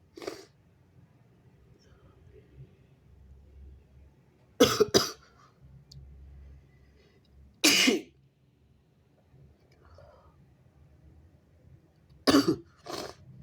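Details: Stuffy person (he/they) pinching the nose while sneezing: several short, forceful bursts, some paired, with a congested, stifled quality, in a quiet room.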